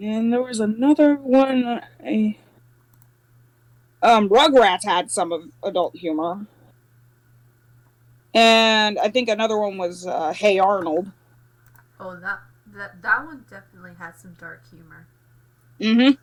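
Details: Adult speaker; normal speech.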